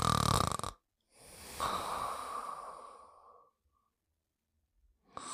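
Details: Sleeping subject: a long, rough, noisy breath in sleep, trailing off into silence; snoring.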